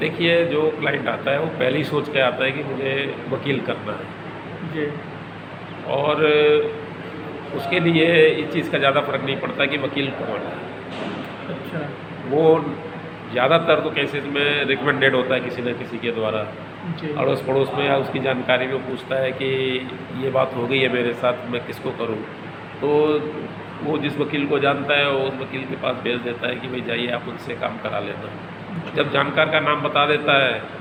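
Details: Adult man speaking Hindi; ordinary speech.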